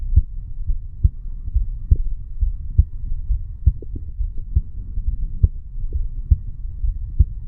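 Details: 35-year-old male sitting on stairs, heartbeat recorded over the bicuspid (mitral) valve area: steady low thumping normal heart sounds at about 68 beats a minute with background hum.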